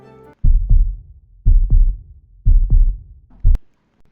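Regular paired lub-dub heartbeats at about 60 a minute, the normal first and second heart sounds.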